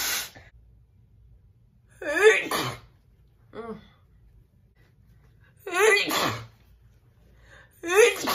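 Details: Several big, loud, wet sneezes from a woman, each a sharp intake then a forceful burst, with a softer sneeze between them.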